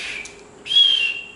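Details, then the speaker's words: Imitated whistling of high-flow nasal oxygen in a lecture: a faint hiss, then a brief high-pitched whistle, caused by turbulent flow at acute-angle bends in the nasal prongs. "Whistling sound in your word. To prevent that, I am going to create a laminar flow in my tubular system."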